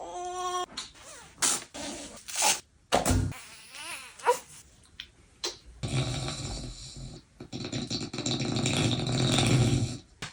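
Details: Snoring.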